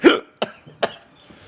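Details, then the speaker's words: Adult man with hiccups lasting several minutes, each followed by a burp: three abrupt throaty bursts in quick succession, the first louder and voiced like a burp. "got hiccups. And they're like followed by burps."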